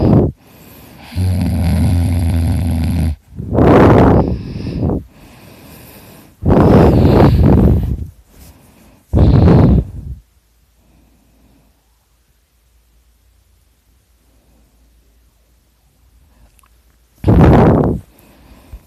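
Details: Self-recorded heavy snoring, likened to a chainsaw: loud, harsh, rattling snores in irregular bursts, each a coarse rasping breath, followed by a long quiet pause before the next snore.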